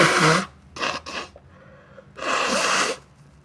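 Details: A few sharp, explosive bursts and a longer loud blast: sneezes into the hand, deliberately induced with tissue paper by an adult with a bad sinusitis attack and a sore, itchy nose; sneeze.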